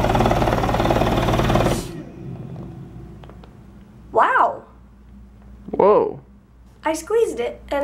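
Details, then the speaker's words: Hill-Rom Vest 105 airway clearance vest on a person with cystic fibrosis: fast, steady mechanical pulsing stops abruptly, followed by short vocal exclamations. "um you'll hear in my voice it'll change I'll just make a noise and then I'll put the frequency up and you'll be able to hear it [Laughter] so you can hear that my voice is going quicker and quicker and quicker with the faster that I turn up the frequency on the best setting"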